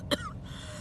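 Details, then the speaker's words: A single short, wet, moist cough from a person who says congestion came on after eating butter and the cough is worse; congested cough. "i thought butter was gonna be fine but now i've got all the congestion"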